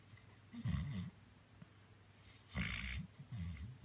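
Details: Sleeping dog snoring heavily while kicking: loud, deep, rattling snores, two long and one shorter, sounding almost human; ordinary sleep snoring.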